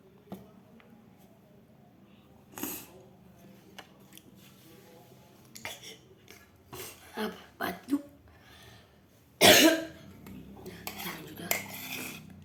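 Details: Several scattered coughs and throat clearings, with one loud cough burst near the end and faint room noise, from an adult eating spicy fried rice with sauces; cough.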